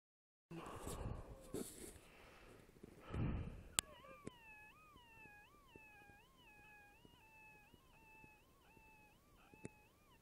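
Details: Obese adult with high blood pressure and a history of SVT: whistling wheeze pulsing in time with the heartbeat, about 85 a minute. Occurs only when lying flat on the back.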